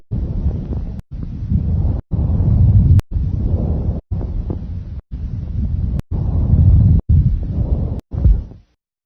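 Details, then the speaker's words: Normal bronchial (tracheal) breath sounds auscultated on the anterior thorax over the trachea and larynx: high-pitched, very loud, harsh, hollow tubular quality. "on the anterior thorax you should hear bronchial or tracheal sounds over the trachea and larynx these sounds are high pitched and very loud have a harsh tubular quality and sound like this"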